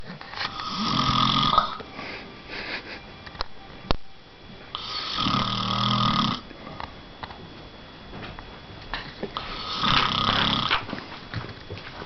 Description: This is my dad after a hard day's work, snoring away in his arm chair.